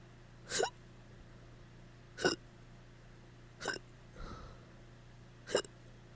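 Four sharp, abrupt hiccups roughly every one and a half seconds, with a steady low hum in the background.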